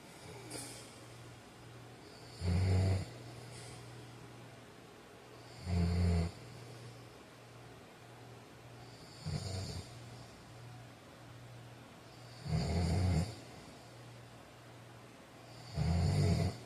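Regular low rattling snores on each breath, about 18 a minute, with quiet between; snoring.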